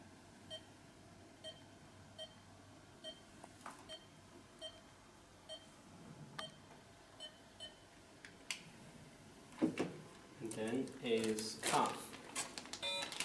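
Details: Short, regular electronic pulse beeps from a Biolight V6 vital signs monitor with the SpO2 finger sensor on, then handling noise near the end; pulse oximeter pulse beep.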